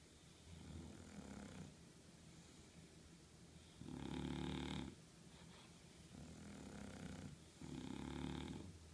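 Rhythmic low snoring, loud on breathing in and softer on breathing out, about 18 breaths a minute; snoring.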